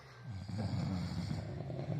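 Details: Heavy snoring from a friend sleeping at a local-level election camp in rural Nepal: loud, rattling, low-pitched snore lasting most of the clip.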